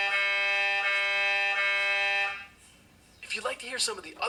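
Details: Replayed MRI scanner sound in a prototype AR app that prepares children for an MRI: a steady loud electronic buzzing tone with a faint rhythmic pulse, then a short pause and brief talk. MRI scanner noise.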